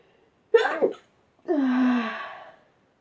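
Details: A quick sharp inward catch, then a long voiced 'achoo' burst: a single ordinary sneeze in a quiet room, from a sneezing compilation.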